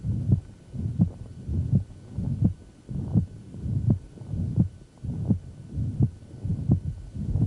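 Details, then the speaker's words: Severe mitral regurgitation in a man: murmur between beats plus a low, groaning diastolic inflow rumble after the second sound from large mitral flow; regular heartbeat about 86 a minute. "oh and that's an inflow Rumble so much blood has gone back into his left atrium that a lot of it's going to come back down"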